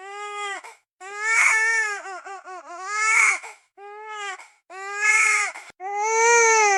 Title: Baby Crying Tantrum Sound Effect